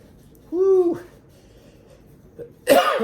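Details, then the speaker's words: A brief voiced throat sound, then a single sharp, explosive cough in a quiet room. It is an irritant cough from breathing in chili fumes while making chili paste for kimchi. "excuse me don't breathe them in all right now i'm gonna take just a little bit of water here"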